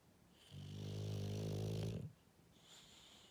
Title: Snoring English Bulldog